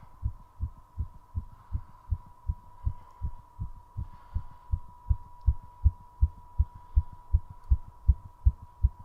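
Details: Rapid, regular heartbeat about 160 per minute over a steady tone during recovery after a 3.5-minute squat session: fast heartbeat after exercise.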